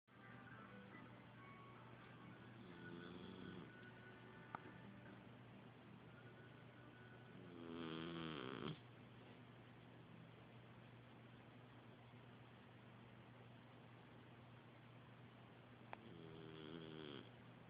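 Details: Snoring: faint, low snoring breaths under steady room hum and soft background music, with a couple of louder fluttering snores.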